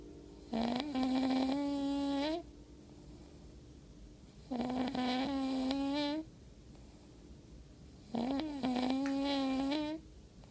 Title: I Don't Snore !!!!!!